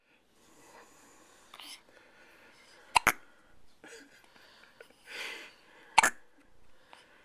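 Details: Baby girl's first hiccups: small hiccup sounds.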